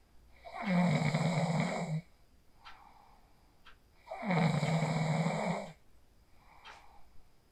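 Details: Phone recording of a person sleeping after practising the 4-7-8 breathing technique: deep, rumbling snores with quiet breaths between, about 17 per minute. Ordinary sleep snoring.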